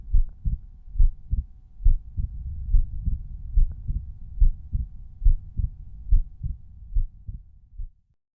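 Regular heartbeat at about 71 a minute, crisp first and second sounds at Erb's point, no added sounds; normal heart sounds.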